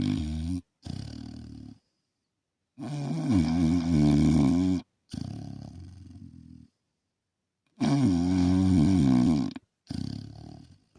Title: #rome snoring 🧡🤍🖤🩷🐾